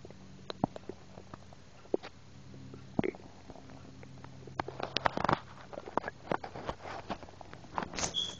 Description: I was eating some wendys burgur and I had some soda and I swallow some air this was record while I was eating. You can hear the soda going in down in me.